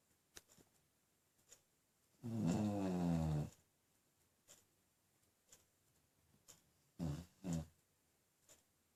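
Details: Beagle dog sleeping and snoring: one long, rough, low snore, then two short snorts, with soft clicks and breaths between.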